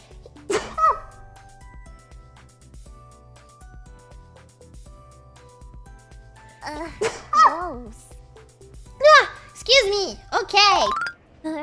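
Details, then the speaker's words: Compilation of a VTuber streamer's sneezes: several short sneezes, one early and a cluster near the end, over soft background music. "don't be an idiot don't be an idiot I have to sneeze I feel it I feel it"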